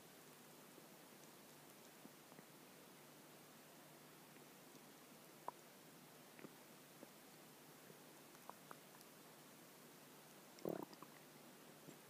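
Quiet room with faint clicks, then one brief squeaky gurgle near the end, a growling stomach.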